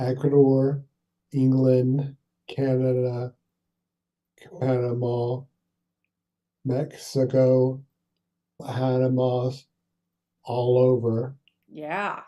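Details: Adult male stroke survivor with aphasia for seven years after a brain bleed, plus apraxia of speech; mostly single-word output, with trouble with words, sentences and numbers; aphasia with apraxia of speech.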